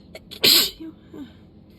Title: 7/19 - start of a sudden sneezing fit!